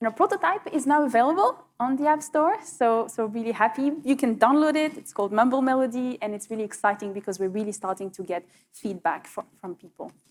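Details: Adult woman speaking; Normal fluent speech.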